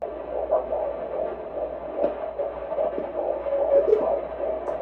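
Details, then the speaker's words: Fetal heartbeat of a baby boy (sex known from a genetic blood test), heard for the first time on a prenatal scan: rapid whooshing pulses over a low hum. "And we heard the heartbeat of our baby for the first time today."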